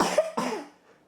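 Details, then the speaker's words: Two quick, fairly wet cough bursts from a young boy in a small room; he had been coughing all the previous night, and a virus is suspected. "Anything else to add to that? Any more coughing you'd like to do?"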